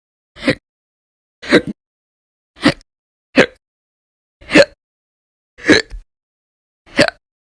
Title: 2/1/20 to 2/29/20, Violent, Bad Loud, Silent, Minute, Second Hiccups Audio Only